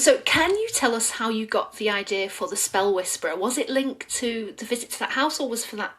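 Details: Adult woman speaking; Normal fluent speech.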